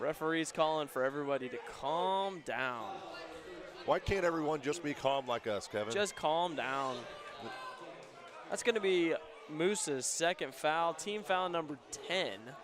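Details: Adult male sports commentator; normal speech.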